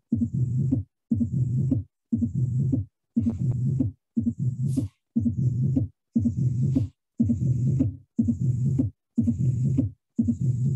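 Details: Mitral stenosis murmur with opening snap.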